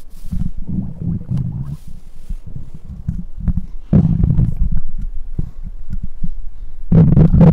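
Continuous low gurgling and rumbling with irregular bubbling pulses: ordinary stomach growling from gas and fluid moving in the gut.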